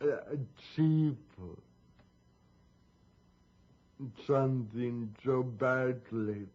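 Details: 51-year-old man with a mild form of cerebral palsy affecting his leg muscles and his speech; dysarthria (cerebral palsy).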